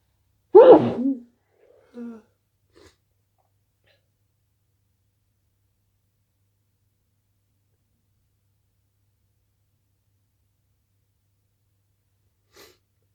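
One sharp sneeze followed by a few faint small sounds, then quiet; a plain sneeze.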